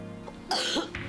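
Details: Adult with chronic cough from asthmatic bronchitis, worse during sleep and under stress, gives a single harsh cough burst over soft background music.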